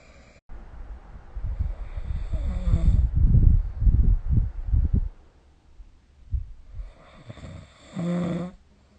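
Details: Snoring during sleep recorded with the SnoreLab app: rough, low rattling snores, a few breaths, with quieter pauses between them.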